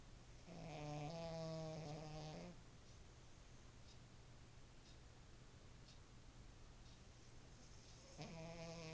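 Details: Shih tzu snoring: two loud, buzzing, drawn-out snores separated by quiet breathing, with a steady low hum in the room.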